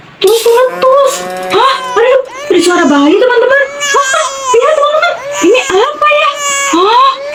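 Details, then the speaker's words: Several infants crying at once in a vlog skit where the mother dreams she is pregnant with quintuplets: overlapping high-pitched, sustained, rising wails with brief gaps; ordinary infant crying. "Ini apa teman-teman Oh kok pada menangis Mama buka ya 1 2 3 Hah ternyata ada teori teman-teman teinyaim Aduh semuanya menangis teman-teman aku gimana ini C"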